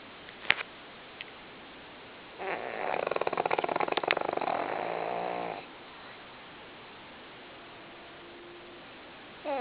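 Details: One long, fluttering, loud snore of about three seconds over quiet room noise from Lily, a sleeping, tired pug lying still; snoring.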